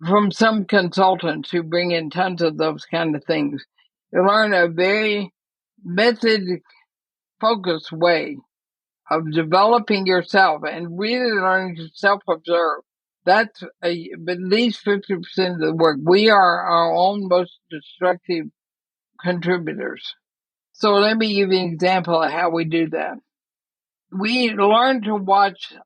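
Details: Dysarthria in a woman near 80 with ALS (Lou Gehrig's disease); she says she is already having quite a bit of trouble speaking but believes she is still intelligible.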